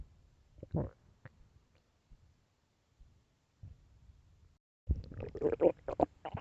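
Irregular low gurgles and rumbles, louder toward the end: stomach growling, ordinary bowel sounds.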